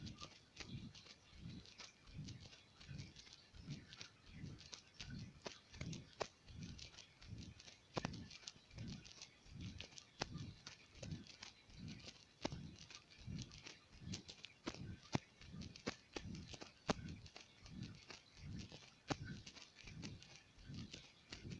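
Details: Heartbeat of a 19-year-old male, recording labelled tachycardia/bradycardia: steady low thumps at about 60 a minute with faint outdoor-like background; no clearly fast or slow stretch stands out, rhythm uncertain.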